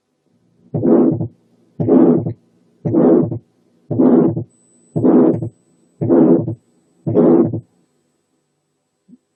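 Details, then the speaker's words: Congenital pulmonary stenosis: long, harsh ejection systolic murmur over the pulmonary area at about 57 a minute, with a split second sound whose pulmonary component is delayed and somewhat diminished. "اتنين ejection systolic murmurs ممكن يكونوا موجودين على البالمونري. الأولى بتبقى هارش وطويلة، ودي بتاعة الكونجينيتال بالمونري ستينوزس زي الآتي."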